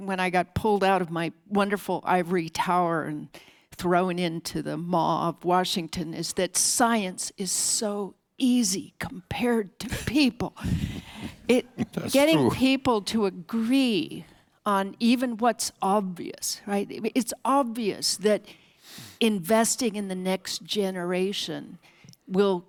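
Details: Adult speaker; normal speech.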